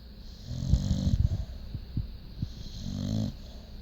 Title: Pitbull Jade Snoring 12-29-15